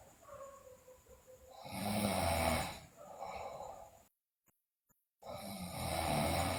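Loud, rough snoring breaths with a brief silent gap, over steady room noise.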